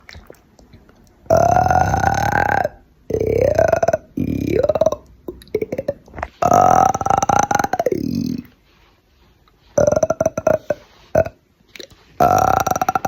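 Several long, loud, voiced belches in succession, some drawn out over a second or more; deliberate burping.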